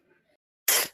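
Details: Woman with a cold, irritated throat and a slight dry cough gives a single sharp, hissing sneeze burst after a brief quiet pause: sneeze.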